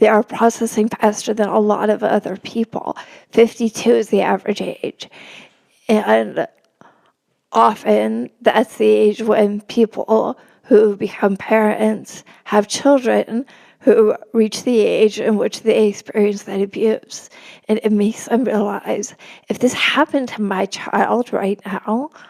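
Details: Adult woman with spasmodic dysphonia, real, speaking in a podcast interview; she notes it makes her sound nervous though she is not; spasmodic dysphonia.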